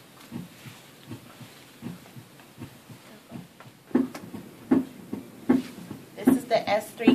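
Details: S3 gallop on an adult thorax simulator, heard best at the apex: an extra low, soft third sound after S2, giving a galloping rhythm.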